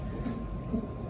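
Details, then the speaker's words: Fetal heartbeat on Doppler/CTG monitor in antenatal care, baby head down: soft, rapid whooshing pulses, a normal fetal heartbeat, judged to sound perfect. "and if you can hear that that's baby's beautiful heartbeat sounds perfect"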